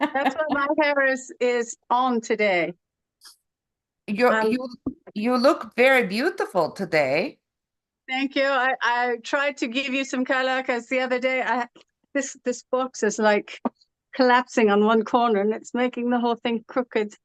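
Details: Adult woman originally from California, living with foreign accent syndrome since about 2016; foreign accent syndrome.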